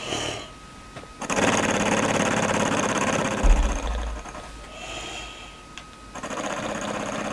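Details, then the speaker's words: Flutter valve oscillating positive expiratory pressure device used by an adult with bronchiectasis caused by follicular lymphoma to loosen phlegm: rapid buzzing rattle during each long exhalation, with background music. "it's a fairly simple device arm hey just look valve in there that flutters that causes pressure to go back into my lungs"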